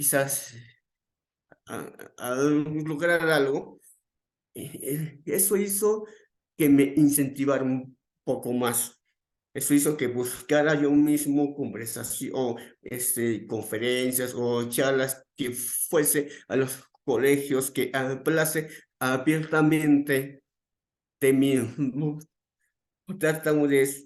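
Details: Stuttering in an adult man, onset around age 7 and more noticeable from about age 11; he says it is uncontrolled on the day of the talk; real speech with repetitions.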